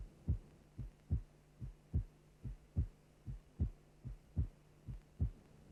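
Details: Simulated heartbeat from an interactive videodisc program on cardiac auscultation, regular at about 72 a minute, with a lower, longer first sound and a briefer second sound in each beat: normal first and second heart sounds.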